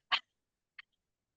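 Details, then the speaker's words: High huff cough in the Active Cycle of Breathing Technique, taught for chronic lung conditions: two short, breathy forced exhalations one right after the other, the first stronger, done to bring mucus up before coughing it out. "When you feel like you have mucus here, you're ready to huff or cough out, then you can do a higher huff. These are shorter huffs."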